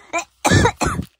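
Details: A short throat-clear followed by two harsh, forceful coughs from someone with a severe, lingering cold; cough.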